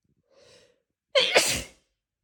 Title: Huge tickling sneezes